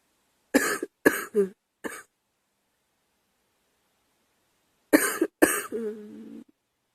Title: Girl coughing 211